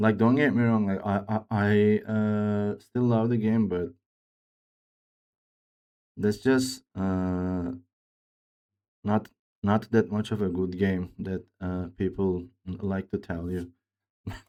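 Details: Man who reports his own speech disorder, type not named, and says it is much worse than a game character's; real, disfluent speech; speech disorder with disfluency.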